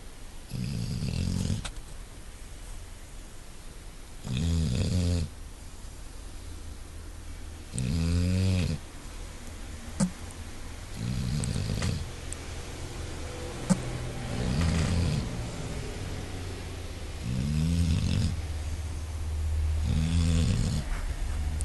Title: Snoring Max